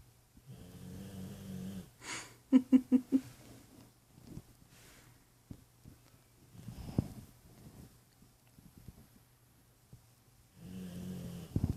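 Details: Sleeping pit bull-type dog snoring: low, rattling snores on the in-breath with a few short snorts between them; snoring.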